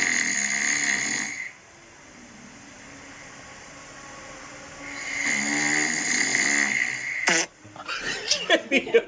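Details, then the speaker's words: Real snoring of an adult recorded by phone while asleep: snoring sounds captured in the moment. "And I'm I'm so embarrassed by this, but this is this is me snoring in caught in the moment here."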